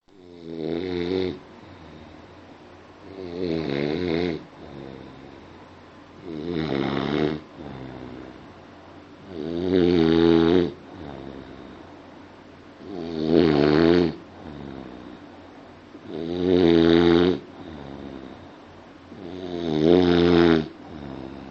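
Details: Steady rhythmic snoring, about 18 loud rattling snores a minute, each followed by a quieter exhale; snoring.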